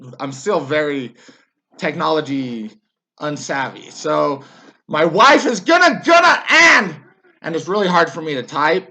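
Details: Adult man, a former soldier, with Tourette syndrome whose tics got much worse after military service; vocal tics with word repetition.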